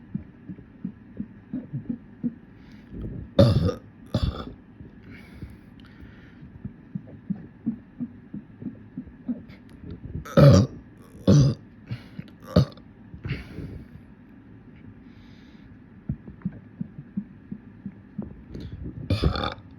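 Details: Deliberate bubbly burps in a burping session: about eight loud, throaty belches over twenty seconds with quieter swallowing and mouth noises between.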